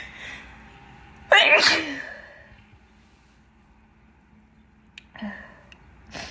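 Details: An adult, with pollen allergy noted, gives a loud, wet, explosive sneeze, then a small stifled sneeze or sniff, with an itchy nose; sneezing.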